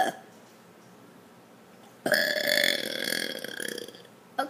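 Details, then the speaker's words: Deliberate burp done on camera by an uploader, sitting back so the stomach is visible: one long, loud, rumbling burp of about two seconds in a quiet room. "I had a request that told me to basically burp and show my tummy so everyone knows how I burp."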